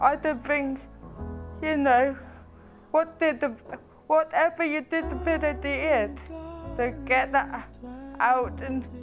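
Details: Young person born with cerebral palsy, a condition the physiotherapist says can affect speech; dysarthria (cerebral palsy).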